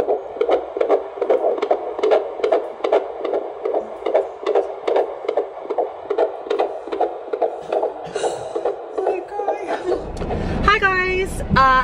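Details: Fetal heartbeat heard by Doppler at a midwife visit in the second trimester of pregnancy; the baby is a boy.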